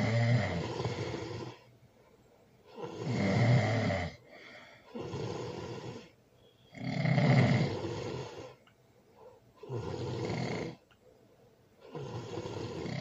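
Loud, rough rattling snores with each breath, roughly five breaths in thirteen seconds, with quiet gaps between: heavy snoring from vibrating throat tissue during sleep.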